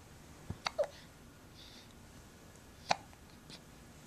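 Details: Several short, abrupt hiccup sounds in a quiet room, some close together, one more after a pause; hiccups.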